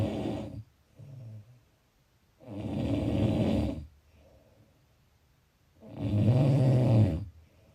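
Loud rough rattling sounds on each breath, about 18 breaths a minute, with quieter breaths between; snoring.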